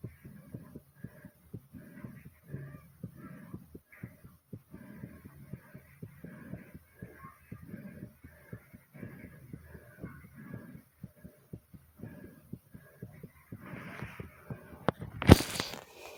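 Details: After deliberate exercise to make the heart race and the breathing very hard, a fast, pounding heartbeat of roughly 130 to 140 beats a minute; rapid heartbeat after exercise.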